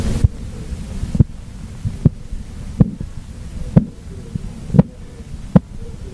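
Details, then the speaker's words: Korotkoff sounds heard by stethoscope while a blood pressure cuff deflates in a skills demonstration: regular soft thumping taps, about 62 a minute, over a low hum; the first sound marks systolic pressure. "You might be wondering, what does it sound like? Well, basically, the sound that you will hear is called your Korotkov sounds."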